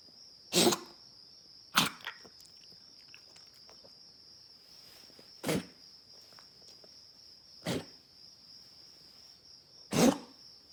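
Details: Dog coughing all night: five short, sharp coughs spaced a few seconds apart, over a steady high insect-like hum.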